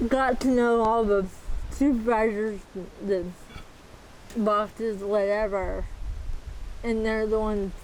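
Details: Dysarthria in a 40-year-old woman with athetoid cerebral palsy, full-body involvement with quadriplegia, moderate-to-severe physical involvement, GMFCS level 3/4, who uses a power wheelchair and a walker.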